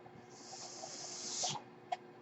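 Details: Background noise from the speaker's own ventilator, heard while the speaker talks: mechanical ventilator breath cycle.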